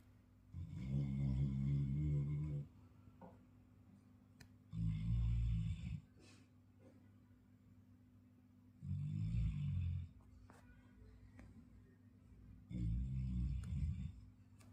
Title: Labrador Snoring #short #shorts #trending #viralshorts #petlovers #Labradorsnoring